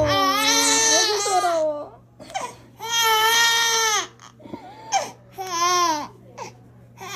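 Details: Infant crying after two vaccination injections, hip injection site: loud, high-pitched wailing bursts with gasping breaths between, a distressed pain cry.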